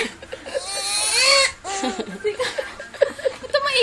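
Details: Twin infant boys crying: fussy crying with rising and falling wails and whimpers, music and adult voices in the background; infant crying.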